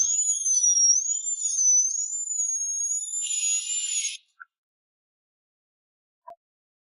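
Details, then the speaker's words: High-pitched, wavering dental drill whine lasting about four seconds, then silence, as the drill splits the root of a horizontally impacted wisdom tooth in two under local anaesthesia during extraction. "为了更轻松地取出智齿，需要用钻头把智齿一分为2。虽然你感觉不到疼，但能听到电钻声，还能感受到电钻的震动，整个头都嗡嗡的。"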